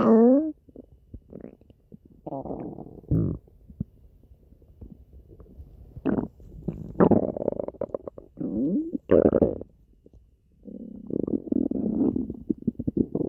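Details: Stomach growling: repeated gurgling growls, some with squeaky gliding pitch, separated by quiet gaps; normal bowel sounds.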